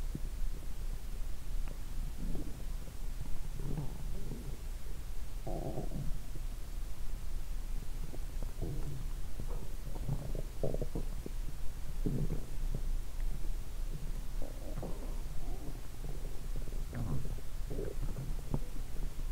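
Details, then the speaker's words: Adult lying down after drinking many lactic acid bacteria drinks, microphone held by hand on the abdomen: frequent strong, low gurgling and squelching bursts, alien-like sounds; active bowel sounds (borborygmi). ""It's a strong sound 😂". If you hold the microphone with your hand, you can hear various sounds 😳 !. I heard a strange sound like an alien communicating 🤣."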